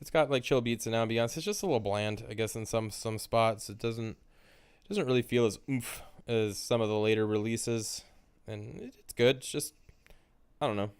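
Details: Male speaker who says he has a stutter; stuttering.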